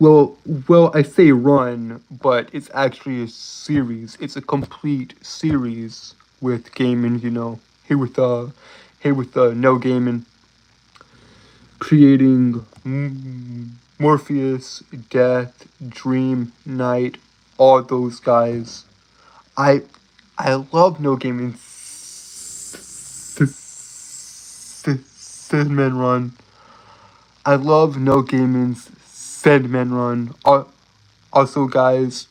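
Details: Adult male live-streamer with a self-reported speech impediment who stutters a lot, with word repetitions: stuttering.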